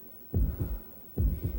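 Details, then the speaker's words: Heartbeat in a 1993 Red Cross CPR training film: two deep, muffled, steady lub-dub beats at about 70 a minute; a normal heart beats 60–80 times per minute, creating the pulse. "A normal heart beats about 60 to 80 times per minute. With every heartbeat, a wave of blood moves through the blood vessels, creating a beat called the pulse."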